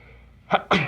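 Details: Morning allergies: two quick, sharp sneezes close together in a quiet room; repeated sneezing.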